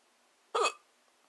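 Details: Single hiccup shaped with a rounded "ooh" mouth: short, sharp, hollow vowel-like tone, then quiet; the hiccups were later cured by a sneeze.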